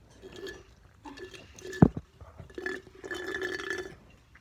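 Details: Drinking and gulping sounds with one loud, deep burp in the middle; burping while drinking.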